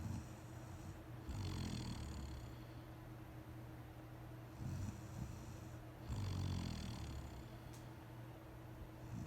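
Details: Adult woman (wife) snoring during sleep: low rumbling snores recurring about every five seconds, roughly twelve breaths a minute, over steady room hum; ordinary snoring.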